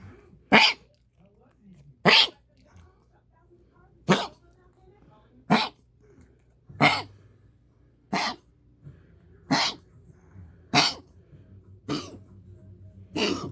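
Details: Dog with a dry hacking cough: nine sharp hacking coughs, about one every one and a half seconds.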